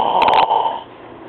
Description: my brother snoring mad loud